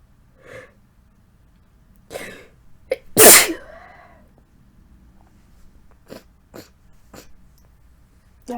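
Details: Induced sneeze from a person with a lingering, atypical cold felt mostly in the throat, with frequent coughing: soft pre-sneeze sounds, one loud forceful sneeze, trailing exhale, then quiet sniffing.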